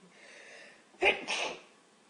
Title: Девушки чихают Pretty sneezing 5